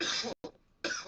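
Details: Cough while smoking during a smoking session: two harsh, loud cough bursts separated by a short pause, part of constant coughing.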